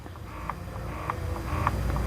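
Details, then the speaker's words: Mamme Bestie wireless rechargeable breast pump, used 11 months, powered on during mode demonstration: low steady motor hum with quick rhythmic pulses in let-down mode. "So maririnig niyo yung pero mag hindi to dinig ha pag nasa office ako nga nila alam mga katrabaho ko na gumagana 'to."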